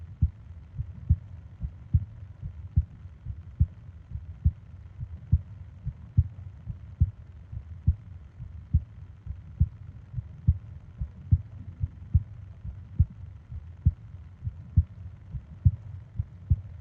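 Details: Heartbeat and breathing sounds for ASMR sleep: soft, regular, low double thumps at about 70 beats a minute over a faint hum; a steady resting heartbeat.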